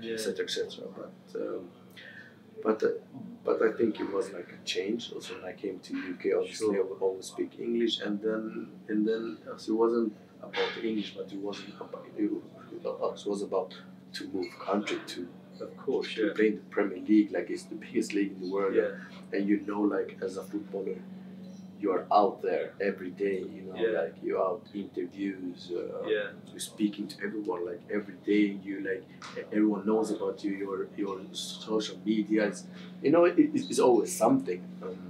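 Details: Adult male footballer who has stammered since about age six; Swedish first language, English second; stammer varies day to day, worse after games and when tired; stuttering (stammering).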